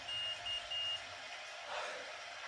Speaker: Sorry for the beeping. Type 1 diabetic. My pump likes going off whenever it's almost out of insulin.